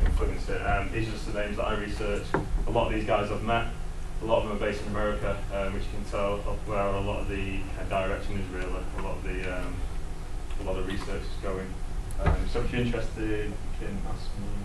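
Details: Adult man who lives with a stammer; stuttering.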